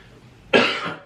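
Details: Adult podcast host coughing while talking in a quiet room: a single loud, harsh cough burst, followed by "excuse me"; cough.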